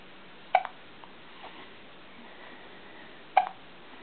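Two brief, abrupt hiccup sounds about three seconds apart over steady background hiss.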